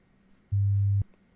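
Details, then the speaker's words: Sample hearing-test tone in a role-play ASMR ear exam: one steady, low, pure beep of about half a second. "There it is right there. Okay? So you heard that right. Alright, that's going to be the pitch and everything that you're listening for."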